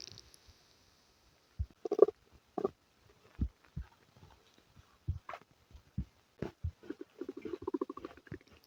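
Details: Irregular low gurgles and bubbling bursts with quiet gaps, ending in rapid squelching gurgles; active bowel sounds (borborygmi) in someone with diarrhea and flatulence.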